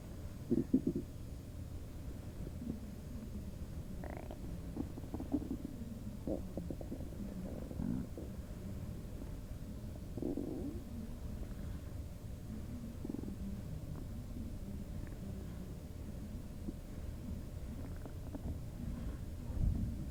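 Faint low gurgles and bubbling rumbles under steady background noise: bowel sounds.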